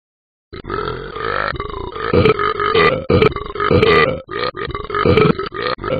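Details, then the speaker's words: Cartoon dog app character: long series of loud, drawn-out belches in quick succession with brief pauses; repeated burping. "uh woo that was a long burp"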